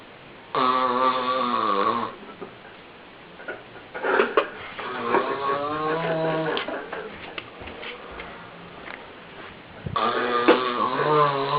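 Loud voiced snores with a buzzing, rattling pitch open and close the clip, with quieter snuffling breaths between them; snoring.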